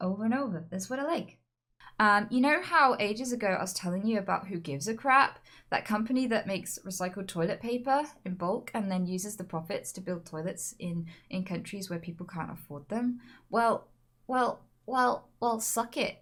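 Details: Woman with Tourette's producing involuntary vocal tics, including offensive and sexual words interrupting her speech; vocal tics with coprolalia (Tourette syndrome).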